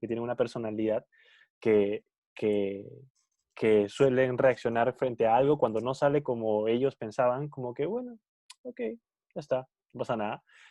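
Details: Spanish-speaking person who stutters, in a conversation between two people who stutter about stuttering variability; stuttering.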